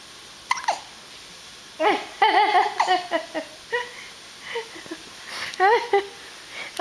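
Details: Hiccups in a baby, who gets scared of his own hiccups.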